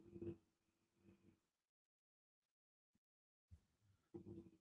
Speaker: If y'all wonder what that noise is, that's my dog snoring, believe this or not.